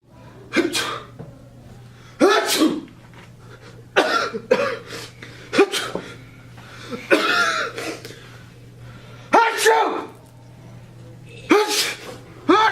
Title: Sneezing PSA